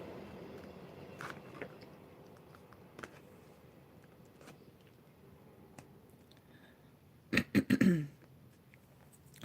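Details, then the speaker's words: Adult with a rough voice, coughing at times, clearing the throat: quiet room, then a quick cluster of rough, guttural throat-clearing bursts. "I'm so sorry about my voice and my clearing my throat I know that's not not cool"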